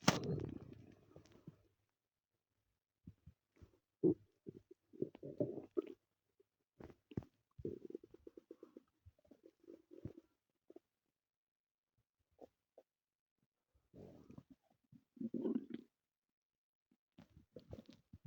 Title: my stomach growling (only audio)